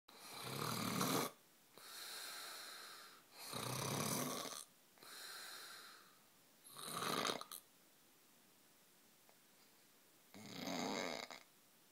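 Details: Man snoring: rhythmic, harsh snores on both inhalation and exhalation, about 10 breaths per minute, with a pause before the last one.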